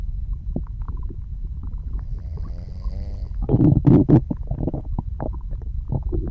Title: Soft Snoring and Digestion Sounds